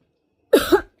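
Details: A single short, harsh adult cough in a quiet room, with the pet cat's reaction being recorded.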